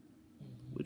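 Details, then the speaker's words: A sleeping dog snoring in the background: one brief, low, rough rumble that swells over less than a second, a single snore. "i'm sorry if you can hear my dog snoring in the background here it is what it is"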